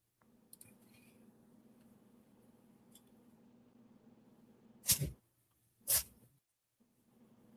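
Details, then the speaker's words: Pet named Ben sneezing on waking, as he does every time he wakes up: two sharp, explosive sneezes about a second apart over a steady low room hum. "Can you hear him sneezing? >> Yeah, >> he does that every time he wakes up. He'll just go crazy sneezing."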